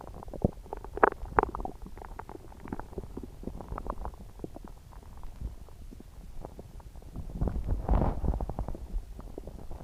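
Frequent gurgling and rumbling bowel sounds, loud stomach growling from active gut movement.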